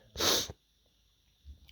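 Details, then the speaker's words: Single loud explosive sneeze from an adult with dust allergy, then quiet. "I think somebody was dusting. Somebody was dusting around the house today. Hey, you, you. Oh, this is making me sneeze like crazy."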